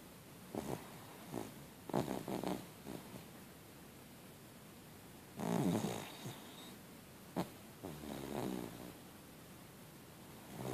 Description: Zoe snoring away. It made me giggle!